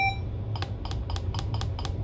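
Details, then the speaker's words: Six short, evenly spaced electronic keypad beeps from a B. Braun Outlook 100ES IV infusion pump as plus/minus keys are pressed to program a 1-litre saline bag (volume 950 mL, rate 150 mL/h); normal device sound. "anytime you make selections on these screens you use the plus and minus keys beneath the decimal places"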